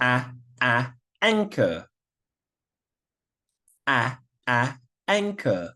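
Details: Adult speaker; Stuttering (sound repetition), imitated.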